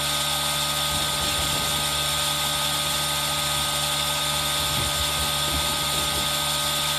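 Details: Aerosol nebulizer running, recorded with a Zoom H1n for ASMR relaxation: steady hiss and hum with a faint mechanical whine, mixed with rain sound.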